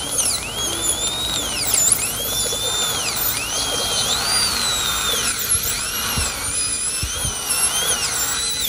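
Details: High-pitched whine rising and falling as the drill speeds up and slows; dental drill cutting a bone trough around a tooth broken off flush at gum level, exposing it for extraction ahead of an implant.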